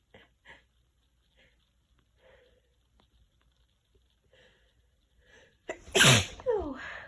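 Quiet sniffs and catching breaths, then one loud wet sneeze from a woman with a cold.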